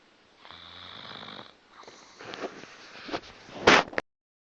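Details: Snoring in a sleeping cat: short rattling, snorting breaths with a sharp snort near the end.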